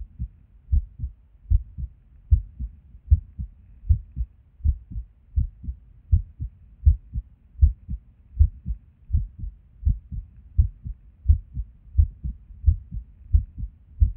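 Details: Resting heartbeat recorded at Erb's point while sitting at a desk: heart sounds at about 77 a minute with uneven spacing between beats, an irregular rhythm with skipped beats.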